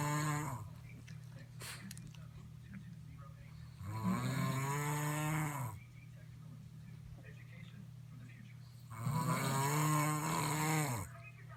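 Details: Loud, drawn-out rattling snores about every five seconds, roughly 12 breaths a minute, with quiet gaps and a steady low hum behind; heavy snoring.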